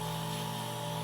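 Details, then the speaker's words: Microdermabrasion/oxygen machine running: a steady, loud motor hum and buzzing drone during light oxygen polishing of a model's face for fine lines and pigmentation. "so this whole thing is the oxygen so it will feel cool to the client and we're just going to be a light polishing so for any fine lines or pigmentation"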